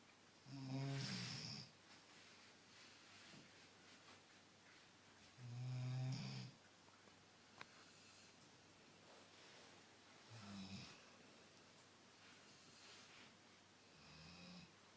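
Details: A sleeping dog snores with low, rattling snores, about 12 a minute, each a couple of seconds long with quiet gaps between.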